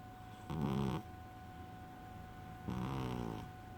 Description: omg....fat cat's snoring......it is quite loud:)